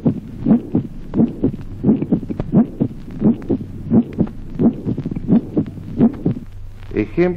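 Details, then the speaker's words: Resonant first heart sound: regular heartbeat near 87 per minute with loud first sounds carrying a ringing, musical timbre in some isolated beats. "Ejemplo 26. Resonancia del primer ruido. Timbre musical exultante de algunos primeros ruidos aislados."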